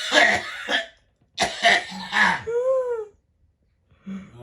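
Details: A father coughing: a few harsh cough bursts with throat clearing and a short voiced sound between them, in a quiet room.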